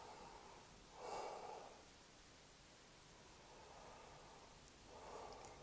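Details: Normal breath sounds heard through the stethoscope diaphragm on the anterior chest of an adult, taking deep breaths in and out; soft, hollow breath sounds.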